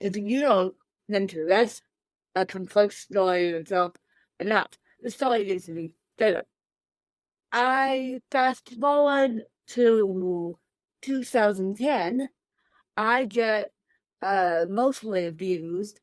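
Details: Adult woman with cerebral palsy since birth, born 13 weeks premature weighing one pound thirteen ounces; dysarthria (cerebral palsy).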